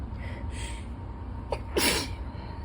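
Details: During an allergy attack while reading aloud about flowers and pollen, a quick indrawn breath, then one explosive sneeze.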